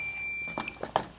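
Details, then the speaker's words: Philips OnSite automated external defibrillator (AED) with its pads cartridge removed: brief high-pitched periodic electronic chirps, a fault alert warning that the unit is not ready. "so now you hear the periodic chirp certainly it's chirping now because i've removed the pads cartridge but any chirp such as this means that there's something wrong with it"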